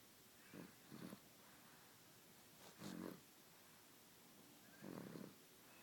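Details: Snoring from a sick, congested sleeper: soft rumbling snores recur every few seconds, about 30 a minute with uneven spacing, against steady room hiss.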